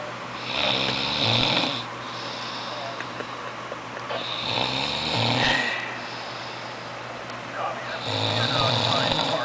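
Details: Man who didn't believe he snored: slow, rough snores repeating about every four seconds, roughly 15 a minute, over steady background noise; snoring.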